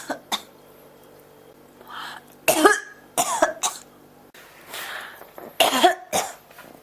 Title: 咳が止まらない 39 cough